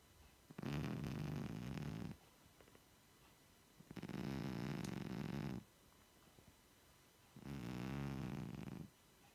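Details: 16-year-old cat lying asleep on the sofa: three low, buzzing snores at steady intervals, about 18 breaths a minute, with quiet pauses between; snoring.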